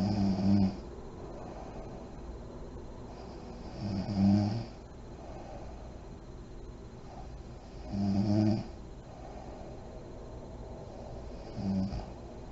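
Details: Adult woman (mother) snoring in deep REM sleep with lights on, with deep breathing and lip blowing: low rumbling snores, about four in fifteen seconds at a slow, uneven pace, between quiet breathing.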